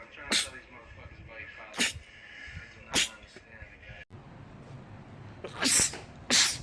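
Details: Male sneezing compilation clip: five sharp, hissing sneezes spaced over several seconds with faint room noise, a sneezing fit.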